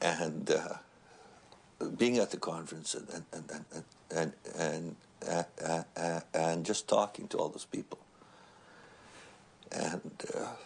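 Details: Man who has stuttered since he began speaking, with repetitions and broken phrases; lifelong developmental stuttering.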